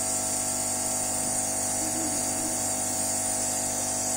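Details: Steady high-pitched whine and hum of a compressor nebulizer running during a budesonide treatment through a face mask, to open the airway of a patient who has often needed extra oxygen lately; previously used albuterol.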